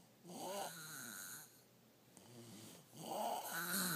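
Two rough, rattling breath sounds about two seconds apart with quieter breathing between, typical of snoring.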